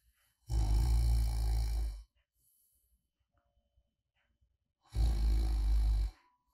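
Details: Light snoring during sleep, recorded as ASMR white noise of a sleeping person: two deep, rumbling snores, each about one and a half seconds, separated by quiet pauses.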